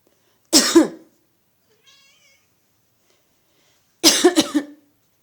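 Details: Two short bouts of deliberate dry coughing by a person, with a faint meow between them from their cat, which meows whenever they cough; voluntary coughs, no sign of illness.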